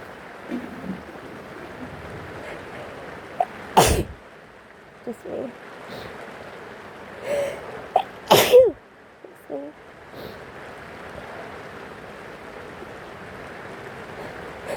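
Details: Two sharp sneezes with small sniffs and breaths between, from a person sick with a cold, recorded over steady rain in the background; sneezing.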